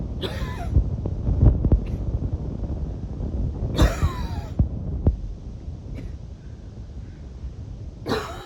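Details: Three harsh cough bursts with a whistling edge and some throat noise between them: a wheezy coughing fit before bed, described as part of a usual evening routine.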